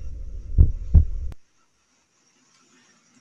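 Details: Demo of a stethoscope synced with cardiac ultrasound and ECG, with AI labeling heart valves in real time: two low thumps, one heartbeat's first and second sounds, then silence and a brief burst of music; heart sounds.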